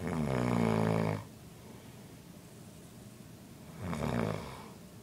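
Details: Grandfather snoring in sleep at 2 am: two loud, low, rattling snores separated by a quiet pause of about two and a half seconds; ordinary snoring.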